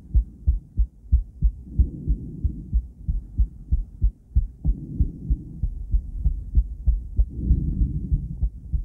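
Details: Female heart on cardiac ultrasound, with an attempt to combine ECG: deep, regular rhythmic thumps with a rushing, whooshing swell over each beat; ordinary heartbeat.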